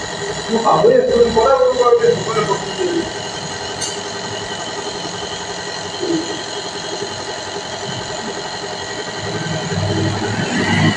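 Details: Steady motor hum and hiss of a running nebulizer compressor, brief voice near the start; nebulization taken for cough relief.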